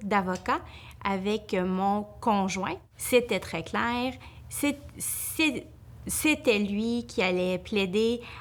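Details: Adult woman, a family law attorney who stutters, speaking Quebec French; her stutter increases greatly when nervous: stuttering.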